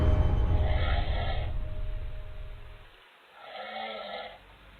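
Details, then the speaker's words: An adult man asleep on a couch, captured on a home security camera: low, rough snoring rumble with two louder snorting breaths, partly masked by eerie background music. "Her brother was deep asleep on the far couch. You can actually hear him snoring"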